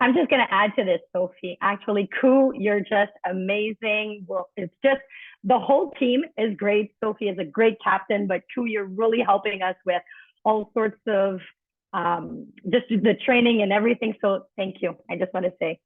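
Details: Adult woman speaking over a call; Normal speech.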